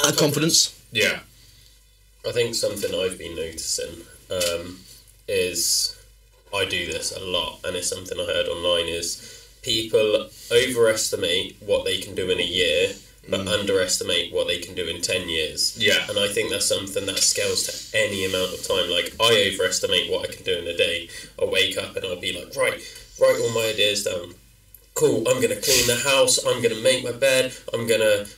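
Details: Adult speaker; typical speech.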